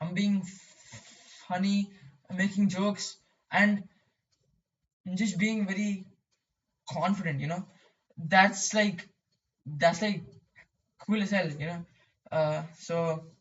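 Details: Male who describes his own stuttering; stuttering.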